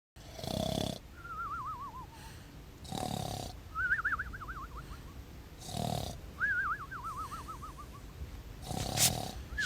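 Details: Sleeping female snoring without mouth tape, since tape was later used to reduce her snoring: loud rattling snores on each inhalation, about 24 a minute, with a wavering whistle on exhalation; snoring.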